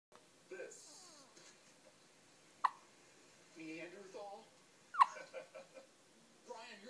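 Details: Five-day-old newborn: two abrupt, clicking catches in the breath about two seconds apart, with soft vocal sounds between; hiccups.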